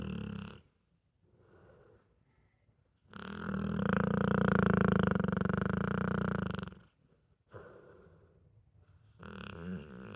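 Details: Sleeping pit bull dog: a very loud, long, rumbling snore lasting several seconds, between softer breathing sounds; heavy snoring.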